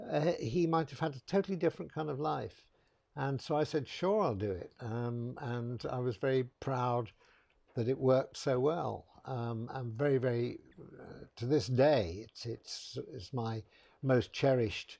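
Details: Adult man; typical speech.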